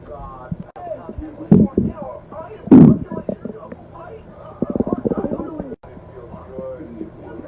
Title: Stomach Growling Vol 3